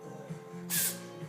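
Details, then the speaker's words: Cat sneezing repeatedly while the owner says "bless you"; owner wonders what is tickling its nose, as if it sniffed pepper; sneezing. "Будь здоров всё всё не хочешь чихать больше нет Что у тебя там в носике щекотить ты как перц нанюхался"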